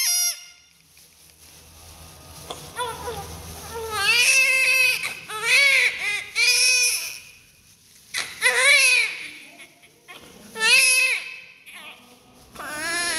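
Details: Newborn crying during umbilical cord cutting, cord clamp fixing and cleaning: repeated strong, clear cries in bursts with pauses, faint room noise; normal newborn cry.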